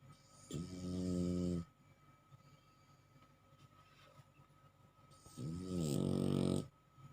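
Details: Bulldog snoring: two loud, buzzing, throaty snores about five seconds apart, with quiet breathing between them.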